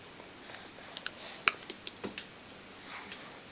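Irregular sharp clicks and gritty ticking in a quiet room, fitting teeth grinding.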